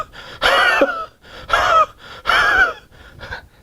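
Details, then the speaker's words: An adult imitates Spongia's very dry cough in three harsh rasping bursts, like a saw driven through a pine board, completely without moisture: dry sawing cough. "So the cough of spongia is like a saw being driven through a pine board. So the sound which you get when a saw is driven through a pine board, it's absolutely devoid of any moisture. So it's absolutely dry."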